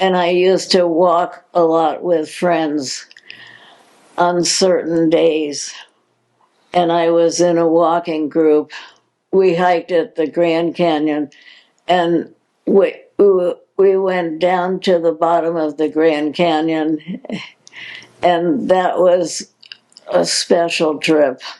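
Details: Adult woman with progressive supranuclear palsy, a progressive incurable neurological movement disorder; dysarthria in progressive supranuclear palsy.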